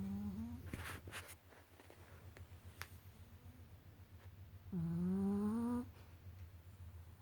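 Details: Puppy asleep after a long day of swimming: low rumbling snore under a steady low hum, with a brief whining, rising tone on one breath; puppy snoring in deep sleep.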